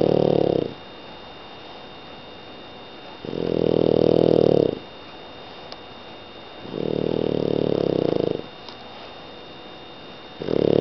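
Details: Sleeping French bulldog snoring: loud, rumbling snores, one with each breath, about 17 a minute, with quiet room hum between.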